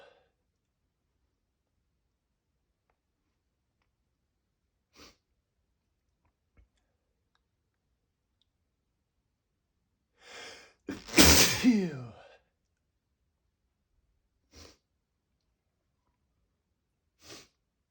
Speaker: Oh, I got to sneeze. I'm going to sneeze. Got to sneeze.